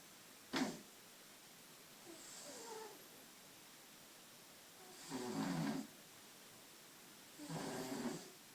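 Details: Cat (Figaro) snoring while asleep in the shower, snores all the time: short, rough, fluttering snoring breaths in a small echoing room.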